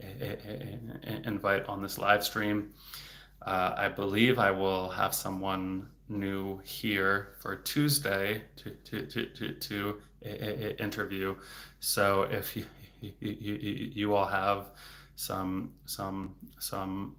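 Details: Stuttering in an adult male speech-language pathologist who has stuttered since age eight, worse since his teens and currently in a period of stuttering more, with word and part-word repetitions and blocks.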